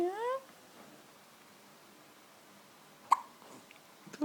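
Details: Little girl hiccuping after drinking a bottle of full cream milk; a single sharp involuntary hiccup in a quiet room after a brief voice.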